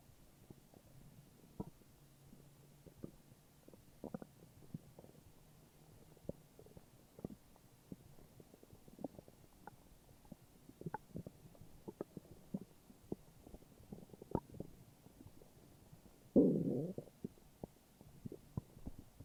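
Soft, irregular gurgles and pops with a louder gurgle near the end: ordinary stomach growling.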